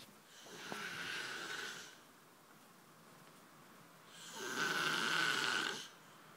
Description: Snoring man on a beanbag eating lots and lots of crusts in his sleep.